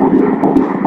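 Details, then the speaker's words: Doppler of the fetal heart during ultrasound at 14 weeks 2 days of pregnancy: fast, galloping whooshing pulses at 145 beats per minute, within normal range. "बाळाचे हृदय वारंवारतेवर आहे 145 बीट्स प्रति मिनिट 145"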